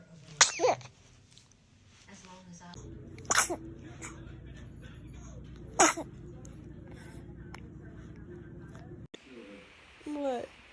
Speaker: baby is a dramatic sneezer check oh he caught it bless you yeah you like that game